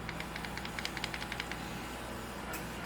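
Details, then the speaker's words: Steady whirring fan and suction hiss of an electric baby nasal aspirator run in a demo without a baby, set on low and then turned higher, with a few soft clicks; aspirator suction. "It gives you 30 different modes, and you could hear the suction. It does have a suction, and right now it's set on low."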